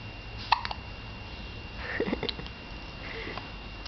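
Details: Infant hiccups while looking at a small mirror: a few short, sharp catching sounds, irregularly spaced, in a quiet room.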